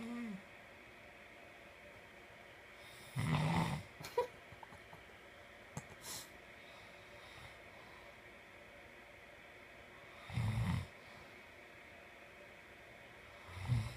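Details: Sleeping person snoring occasionally: two brief, low snorting snores roughly seven seconds apart over quiet room hiss.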